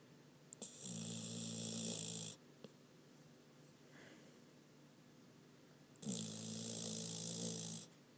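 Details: Foster dog snoring while sleeping with her eyes open: two long, buzzing, rattling snores separated by a quiet pause; snoring.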